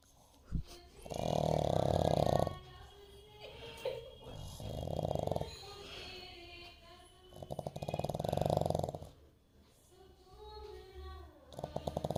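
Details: Sleeping puppy snoring with eyes slightly open: loud, rough, rattling breaths in a slow repeating rhythm, with quieter breaths between them.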